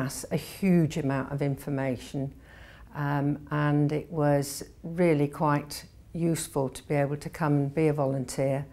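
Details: Adult woman speaking; Normal speech.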